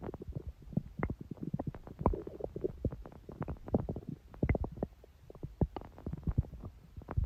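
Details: ASMR recording of long stomach growling from the belly: continuous low gurgling and bubbling rumbles; ordinary borborygmi.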